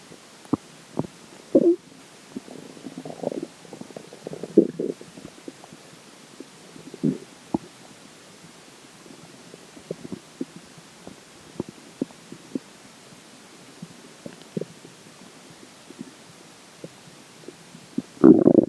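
Bubbling, gurgling abdominal sounds with frequent short pops and watery rumbles: ordinary bowel sounds from digestion.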